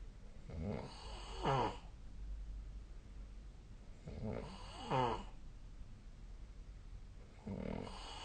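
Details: Sleep snoring recorded 12 December 2024, with the SnoreLab snoring app linked: snorting, fluttering snores on the breath in, roughly every three and a half seconds, over steady room hiss.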